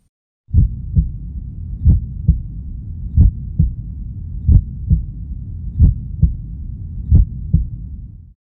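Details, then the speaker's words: Slow, calm heartbeat at about 45 beats a minute with paired lub-dub thumps over a low hum, presented as the heart while listening to slow, calm music. "이번에는 심장이 천천히 뛰고 있죠 차분하게 뜨고 있는 심장 소리를 들으니까 평화로움이 느껴지는 것 같아요"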